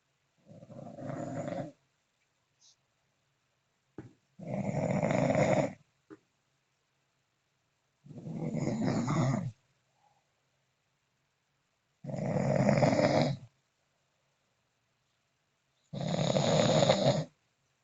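Loud, rattling snores in a steady rhythm, about 17 a minute, with quiet pauses between; ordinary snoring.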